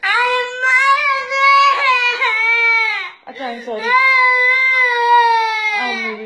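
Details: A baby cries after a slap, in two long, loud wails with a brief breath between them.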